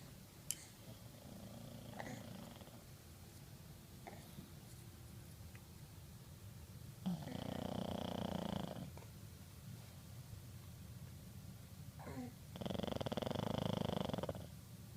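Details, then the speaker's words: Snoring from a sleeping pug in a quiet room; slow, rasping snores, about two loud ones in fifteen seconds. "Yeah, that's what he sounds like at night over Kevin's head. He actually sleeps, that's my side of the bed, he actually sleeps right here on Kevin's pillow, and he takes up that much space on Kevin's pillow."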